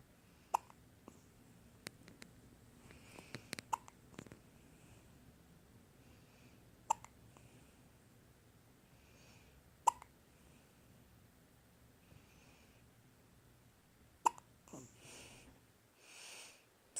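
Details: 6-day-old baby with faint sharp hiccup clicks about every three seconds, roughly 14 a minute, with soft baby sounds in a quiet room; newborn hiccups.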